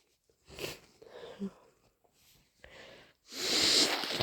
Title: Full of the cold - Sneezing and blowing (Compilation)